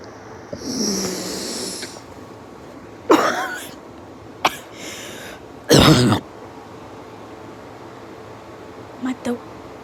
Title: Wheezing laugh is so hard my throat hurts ong don’t mind my cough either